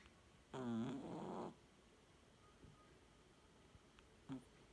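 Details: A person snoring: one rough, fluttering snore on an inward breath, then quiet breathing with faint clicks and a brief snort.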